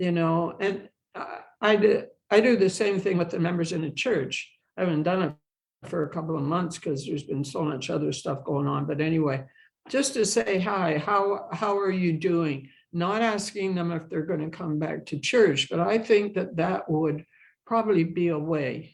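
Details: Adult woman who has stuttered throughout her life and has had speech therapy and support-group experience, speaking in English; finding: stuttering.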